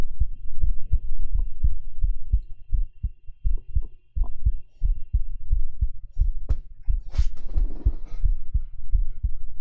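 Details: Live ASMR heartbeat recorded on a 3Dio binaural microphone: steady low thumping at about 88 beats a minute, with brief rustling and mouth sounds near the end, during a girlfriend-experience role-play.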